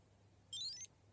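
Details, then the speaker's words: Accu-Chek Insight insulin pump gives a brief, quiet, high-pitched electronic chirp when rewinding finishes during a cartridge and cannula change, prompting the user to insert a pre-filled NovoRapid cartridge and adapter; an insulin pump alert beep. "Yeah, so now it's telling me to insert my pre-filled cartridge and my adapter."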